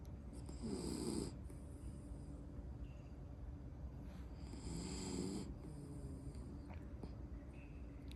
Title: Cute sleeping & snoring miniature poodle + eyes open 🐩 #cutedog #dogsnoring #funny #cute #poodle